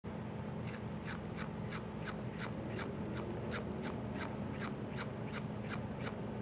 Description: grinding his teeth